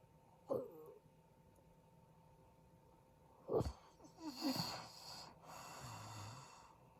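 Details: A husband snoring during sleep: a few irregular snorting, rattling breath noises with long silent gaps, which his wife describes as stopping breathing; sleep apnea is suspected, not confirmed.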